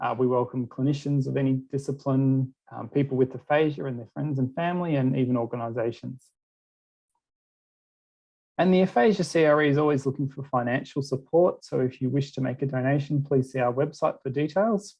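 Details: Adult speaker; typical speech.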